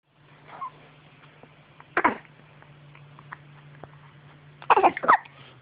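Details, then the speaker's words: Baby boy with hiccups: sharp, brief catches of breath at intervals over a steady low hum; hiccups. "Grandma hiccups. Hello. This is what the hiccups look like, Grandma. Hiccup loud."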